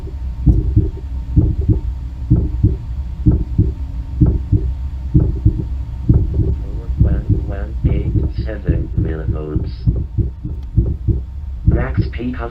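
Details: Steady paired heart thumps at about 64 beats a minute, with faint voice-like sounds over the later part.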